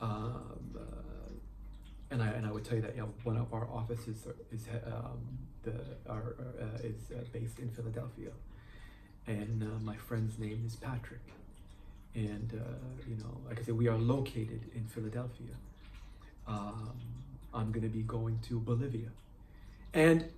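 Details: Adult man who stutters, practising difficult words such as names and places using his planning and word-placement methods; stuttering.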